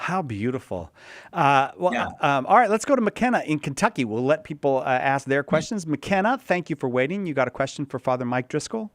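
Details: Adult male speaker; ordinary speech.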